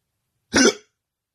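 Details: Person in bed with hiccups, trying to sleep: a single short, harsh throat-clearing burst, then silence.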